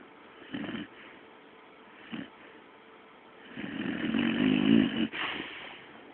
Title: my dog snoring